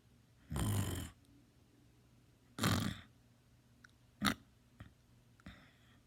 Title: Me snoring (LOUD)